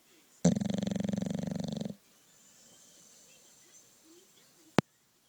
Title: My dog snoring, have to watch the whole video